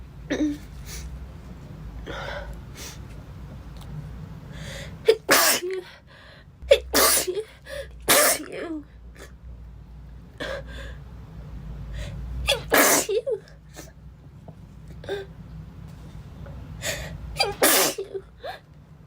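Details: Girl sneezing (labelled "15"): several sharp, explosive sneezes, often preceded by quick catching breaths, over about nineteen seconds; repeated sneezing.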